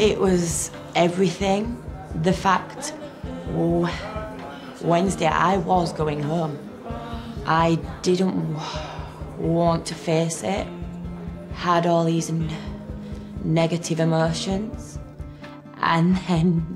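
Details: Acquired stammer (stuttering) in a 23-year-old woman after a minor stroke caused by the rare condition HHT.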